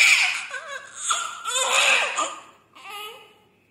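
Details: Newborn baby just after delivery giving a first cry: high-pitched, wavering cries in short bursts with breaths between; a vigorous, normal newborn cry.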